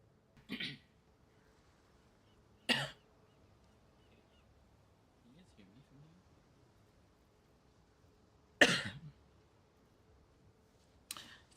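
Four short, sharp cough bursts from an adult, with faint low throat sounds between them.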